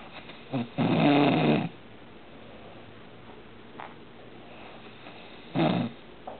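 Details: A male roommate taking an afternoon nap around 4 pm: two loud, rough, rattling snores separated by a quiet pause, in a small room; ordinary snoring.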